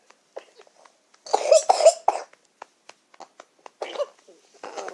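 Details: A hospitalized infant with RSV bronchiolitis, admitted tachypneic and tachycardic with increased work of breathing, gives a run of short, harsh, wet coughs, then quieter breaths and small noises; a mucus-laden cough.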